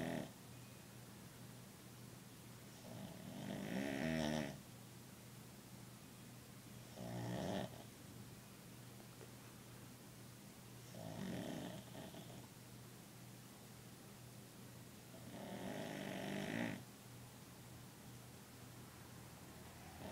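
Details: Sleeping dog: four rhythmic, rattling snores at about 12 breaths a minute; snoring.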